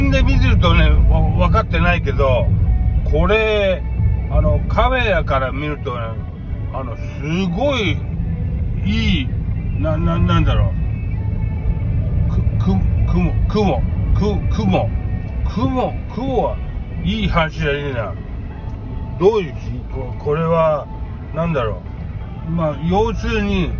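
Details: Aphasia following a brain hemorrhage, with hemiplegia/paralysis.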